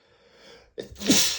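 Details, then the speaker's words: Sneezing from dust-triggered allergy flare while cleaning a bookshelf: a quiet breath in, then a single loud, sharp sneeze with forceful burst of air through nose and mouth. "I was testing the the books and I I don't know why books seem to get dusty so quickly [snorts] and just dusting them [snorts] kicked up so much, you know, dust."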